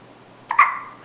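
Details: Hiccups in a 4-day-old newborn girl held by her grandfather: a single short, abrupt hiccup followed by a brief soft voiced tail.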